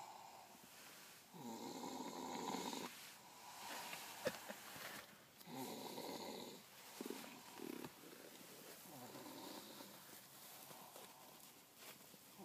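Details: Quiet rattling snores on breathing in, about five over twelve seconds, with soft breaths between, during sleep. Snoring.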